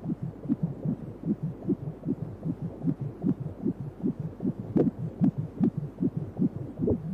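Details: Fetal heartbeat on ultrasound at a 3D/4D baby scan: rapid whooshing pulses at about 150 beats a minute, in the normal range.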